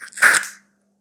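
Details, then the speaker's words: Live demonstration of metered-dose inhaler use for wheeze/asthma: after shaking, the inhaler is pressed into the hand, giving a single short, sharp hissing puff of spray that wets the hand. "இப்போ எப்படி நான் இப்ப இந்த மருந்தை வந்து நான் இப்போ அழுத்துறேன் பாருங்க பாருங்க உங்களுக்கு சத்தம் கேட்கும் என் கையில போடும் பாருங்க"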